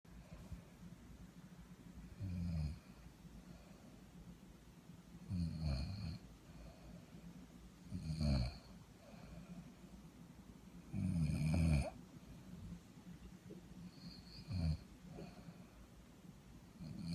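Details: Sleep-deprived working woman snoring: low rumbling snores about every three seconds, some longer and louder, with quiet breathing between.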